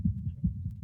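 A brief run of soft, low thumping beats through an electronic stethoscope over a resting goat's left chest: normal heart sounds.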